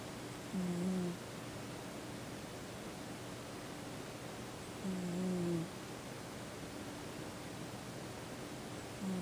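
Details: Sleeping male cat snoring quietly, as he often does: soft, low, buzzing snores about every four seconds, roughly 14 breaths a minute, over steady room hiss.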